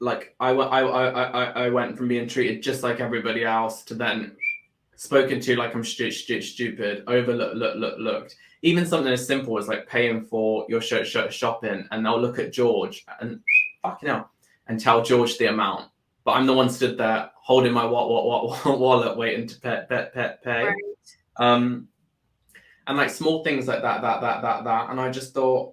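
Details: Tourette syndrome vocal tics in an adult male guest, not present his whole life, with word and sound repetitions and involuntary exclamations including swearing; he reports bad tic days.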